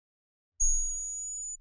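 A steady, piercing high-pitched pure tone lasts about one second, with a faint low thump at onset; a high-frequency test tone for hearing demonstration.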